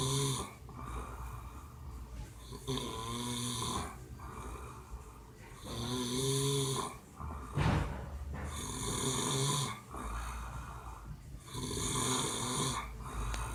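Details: Adult man snoring after a rough night: loud, rumbling snores on each breath in, irregular, about every three seconds, with quieter breathing between; ordinary sleep snoring.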